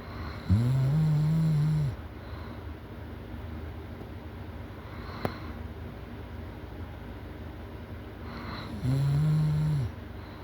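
Two loud, deep, buzzing snores on breaths in, about eight seconds apart, with steady room hum between; loud snoring.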